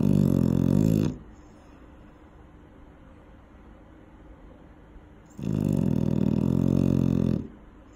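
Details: Eight-month-old female dog sleeping near a safety barrier gives two loud, fluttering, rattly snores about four seconds apart, with quiet breathing between: snoring.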